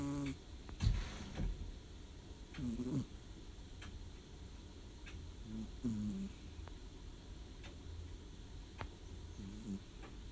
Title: my cat snoring 🐾💕